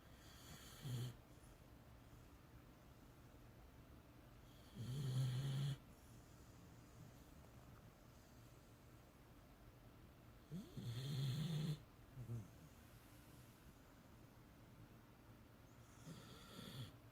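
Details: Tired beagle snoring while asleep: soft, low, rattling snores, about ten a minute and unevenly spaced, over steady background hiss.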